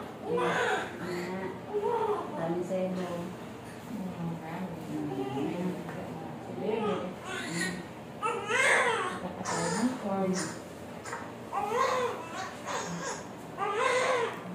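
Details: Short bursts of a newborn boy's crying over room noise and quiet voices, just after normal vaginal delivery at 37 weeks 2 days at a birthing clinic; a normal newborn cry.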